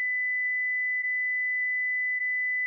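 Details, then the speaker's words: Philips HeartStart FRx AED demonstration on a child, with pads on the chest and back: after the voice prompt "press the flashing orange button, deliver shock now", a steady high-pitched tone sounds as the shock is delivered. "press the flashing orange button now deliver shock now"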